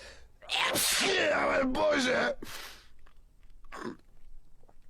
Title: World's Most Sneezing Person 🤧